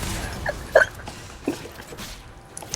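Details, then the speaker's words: Hiccups: two short, abrupt catches of breath about a second apart over noisy background with music; hiccups. "never heard you with hiccups before so cute yes I know I want to hear you hiccuping"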